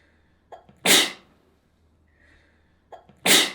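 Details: Two spraying sneezes about 2.4 seconds apart, each with a short catching inhale and then a loud, hissing burst: repeated sneezing.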